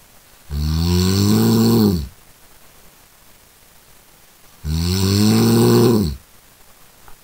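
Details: Sound-effect recording: two loud, low, rattling snores about four seconds apart, each over a second long, with quiet between; snoring.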